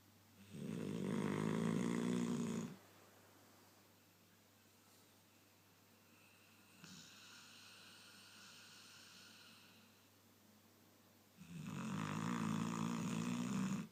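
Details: Dog snoring loudly while wide awake, lying across the owner's leg: two long, loud, rattling snores on breathing in, with a softer whistling breath between them.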